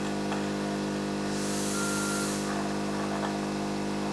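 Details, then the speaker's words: Sterile cough-assist suction through a tracheostomy: a steady machine hum with a brief hissing rush of airflow during suctioning. "now going to start my procedure of the crop assisted suction. I'm now going to do a section of a sterile procedure."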